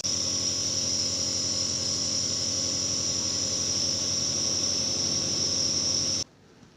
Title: Melepas dan memasang Nebulizer alat uap batuk